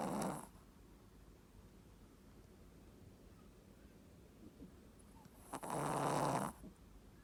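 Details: Female Shih Tzu asleep at the family home, snoring in a very low voice: two short, breathy, snorting noises several seconds apart. Snoring.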